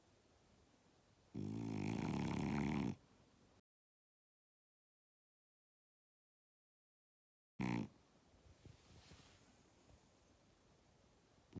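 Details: Dog snoring close to the ear: a loud, rough, rattling snore heard close up, then a brief snort.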